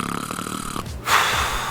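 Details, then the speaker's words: Snoring, likened to a pig snort and someone about to spit: a rapid, rattling, fluttering snore, a brief pause, then a loud airy rush of breath. "The sound itself is obviously annoying. It sounds like a combination of a pig snort and someone about to spit. And also the repetition is really annoying."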